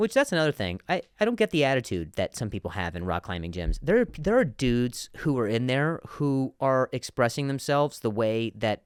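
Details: Stuttering in an adult male comedian, with word repetitions.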